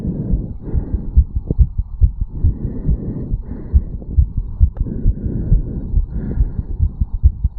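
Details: 34-year-old male, recorded at the mitral valve area just after a quick morning jog: fast, hard-pumping heartbeat, tachycardia after exercise.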